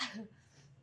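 A single brief, sharp burst of breath and noise through the nose and mouth, fading quickly: a sneeze.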